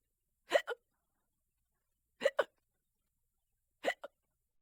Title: Hiccups(audio only)